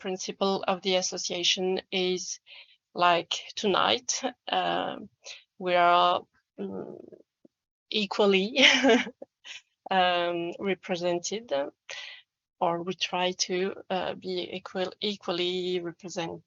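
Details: Adult French man who self-identifies as a person who stammers, speaking English; stuttering.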